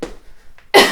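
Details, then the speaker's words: During a 12-minute fitness workout with jump squats, the exerciser, still recovering from a recent illness, gives a single sharp, loud cough after a short quiet stretch; cough. "Je tousse encore un petit peu, hein. J'ai des résidus de maladie."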